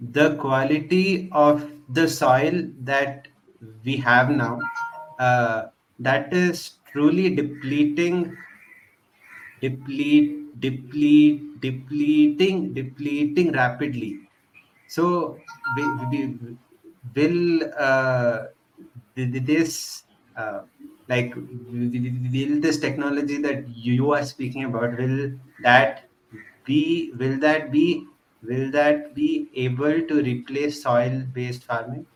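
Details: Adult man who stutters, with word repetitions heard; stuttering.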